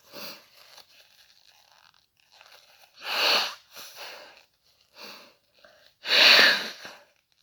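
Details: Self-induced sneezing with no cold present: several short sharp sneezes and sniffs, then hissy nose blowing; ordinary sneezing.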